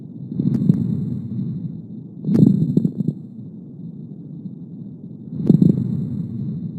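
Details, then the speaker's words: Three breath sounds through a stethoscope, the first two normal, the last with coarse bubbling crackles like stepping on dry leaves: coarse crackles. "vamos a escuchar un ejemplo de crepitante presta bastante atención sobre todo el sonido no escuchar muy bien de que se escucha como un burbujeo como picaron pisar hojas secas"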